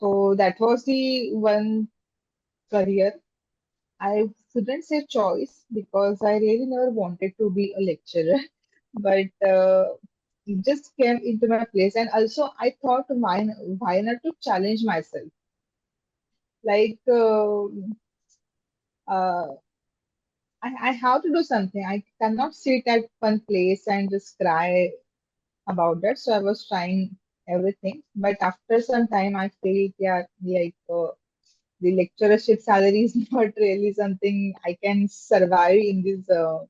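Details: Adult woman who stammers, speaking in a podcast interview; stammering.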